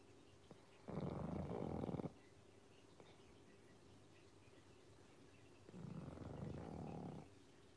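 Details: Pug dog sleeping on his favourite beanbag in a red sweater after a long day: two long, rough, fluttering snores with quiet pauses between breaths.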